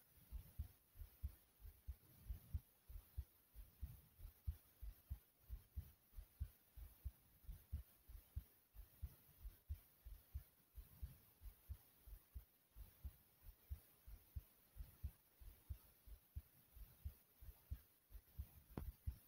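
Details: The recorder's own fast heartbeat: steady, quick low heart thumps at about 92 beats a minute.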